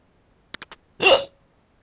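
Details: Hiccups while the person is talking: three quick clicks, then one sharp voiced gulping hiccup with a catch in the throat.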